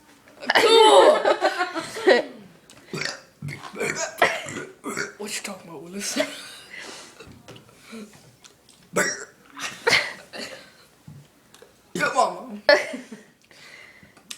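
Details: Boy repeatedly burping: a long, loud belch followed by several shorter burps, with laughter and talk in the background.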